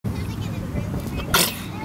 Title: A most amusing sneeze!